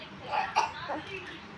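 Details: Young child acting out a pretend cough when asked to show the cough: one or two short, voiced, put-on coughs with a sudden start; imitated cough.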